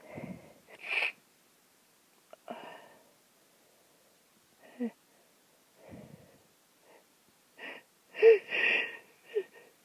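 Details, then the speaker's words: Stifled sneeze at 3 a.m. on day two of a bad cold: short muffled bursts and sniffs, then a held-back sneeze whose force is cut off. "I managed to hold that back it's a miracle I to try different ways to hold back"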